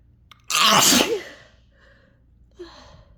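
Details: A single loud, harsh, forceful sneeze, then a quiet breath and a soft trailing sound, set off by chhinkni sneezing powder; the sneezing was forceful enough to make the throat sore.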